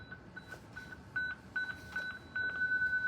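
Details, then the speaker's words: ZOLL transport monitor-defibrillator in a NICU transport inservice demonstration: after energy selected and charge pressed, intermittent high electronic tones rise into steady beeping as it charges, ready to shock (press and hold to shock). "So select your energy, charge."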